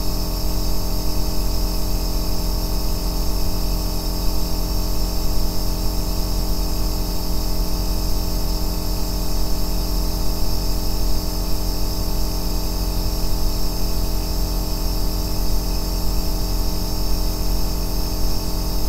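Steady, deep, low-pitched hum of an aerosol nebulizer running continuously, with no change over the clip.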